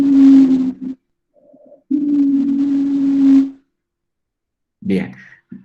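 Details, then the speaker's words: Teaching recording of expiratory wheeze: sustained musical whistling over breathing, mostly on a long breath out, from airway obstruction; wheeze. "hemos las espiratorio las sibilancias que son las que me interesan que es la que tiene estos pacientes"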